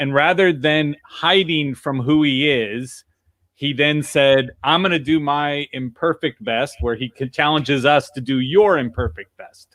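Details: Adult speaker; no speech disorder.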